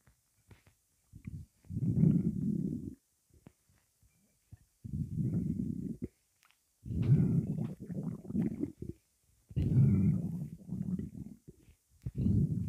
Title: Rock star Energy drink rumbling part 2